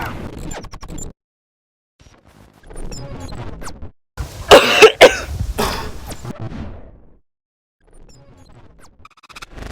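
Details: Several harsh coughing bursts with throat clearing, two loudest in the middle, faint background music; cough.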